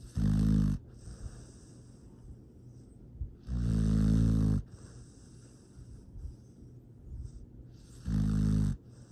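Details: Sleeping foster rescue dog Astrid, recorded Dec 13 2022: three loud, rumbling snores about every four seconds with quiet breathing between; ordinary dog snoring.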